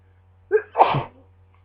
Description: More sneezing from my cold in bed